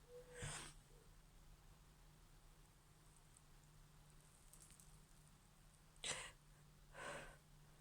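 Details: A female's tickly sneezes in a quiet room; she reports an injured back that makes sneezing hurt. There are three sharp hissing bursts, one early and two close together near the end.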